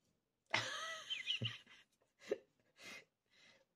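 An adult gives a harsh, drawn-out cough followed by a few shorter, weaker coughs during a flu illness.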